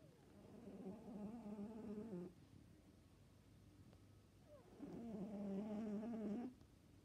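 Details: Two soft, drawn-out, buzzing tonal breaths with a pause between them from a sleeping Siberian cat; quiet snoring with room hum.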